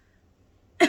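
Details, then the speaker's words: Woman with motor neurone disease (ALS) who says she has no real cough and breathes only shallowly produces her "biggest cough": a single brief, soft burst with little force, a weak cough unable to clear the lungs. "that is the biggest cough i've got yeah so if i got like stuff on my lungs i wouldn't be able to cough it up it would just go down right"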